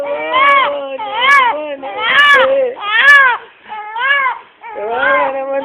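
A baby cries in a run of about six rising-and-falling wails with short catches of breath between them, in a small room. Infant crying.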